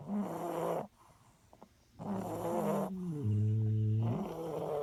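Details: Loud rattling snores with long buzzing inhalations separated by brief pauses, from sleeping bullies: dog snoring.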